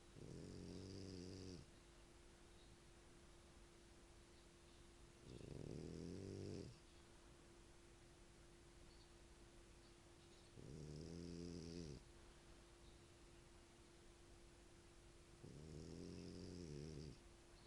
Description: Italian dog Ettore snores heavly while he's sleeping